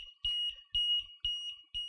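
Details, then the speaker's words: LTV 950 laptop ventilator in pressure support with a child: repeated high-pitched beeps, an apnea alarm showing apnea twelve breaths as mandatory pressure-control breaths fire over 5 PEEP; resets after the child takes two breaths. "what you're seeing now you heard the audible you see apnea twelve breaths the pressure support went out the mandatory breaths are firing"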